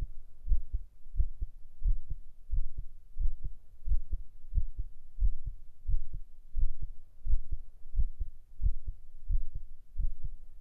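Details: Steady low lub-dub heartbeat at about 88 per minute, regular rhythm with no extra sounds, recorded binaurally: a normal heartbeat.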